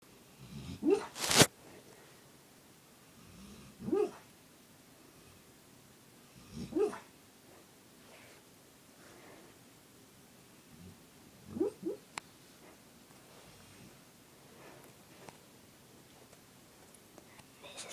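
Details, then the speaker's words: Dog sleeping indoors: quiet, irregular snorting breath noises every few seconds; ordinary dog snoring. "my dog snoring. It's funny."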